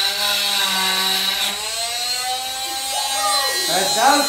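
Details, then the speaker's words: Steady high whine of an oscillating cast saw, its pitch shifting as the vibrating blade cuts the cast during hospital cast removal on a boy aged 5 or 6. "doesn't spin, okay? It just vibrates and it won't cut you, okay?"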